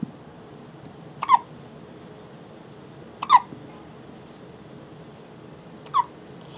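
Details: 2½-week-old infant's first hiccups: three brief, abrupt catches at irregular intervals, roughly 30 a minute, over quiet room noise; the baby seems startled by them.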